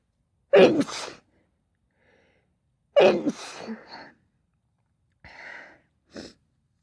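Two forceful sneezes with sharp intakes, followed by a couple of softer breathy sounds; a short sneezing fit.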